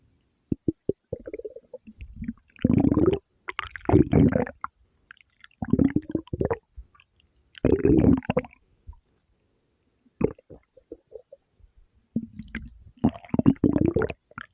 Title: Kyubey’s stomach growl